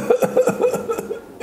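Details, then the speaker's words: Imitated whooping cough (pertussis) paroxysm: about seven quick coughs in a row on a single breath, then an inhalation, described as the typical cough of pertussis. "bir nefeste beş kez öksürük nefes aldı işte bu çok tipik bir öksürük boğmaca öksürüğü"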